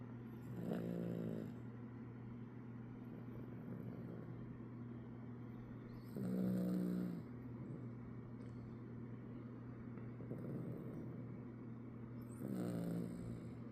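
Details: Sleeping Chiweenie, a small dog: three loud, rumbling snores with a low buzzing quality, about 10 a minute, over steady background hum: snoring.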